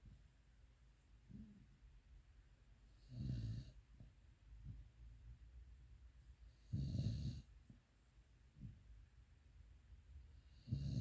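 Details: Pitbull (dog) snoring while asleep: low rumbling snores on each breath in, about three loud snores over eleven seconds, with softer snuffling breaths between.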